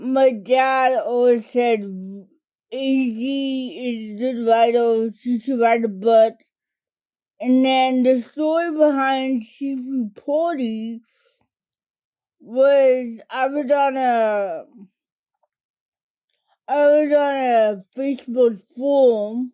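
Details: Dysarthria from cerebral palsy diagnosed in toddlerhood, in an adult woman; it primarily affects her speech and fine motor skills.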